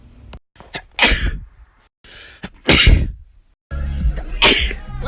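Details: Sneeze compilation: three separate sneezes, each a sharp inward catch followed by a loud explosive burst, with music between them.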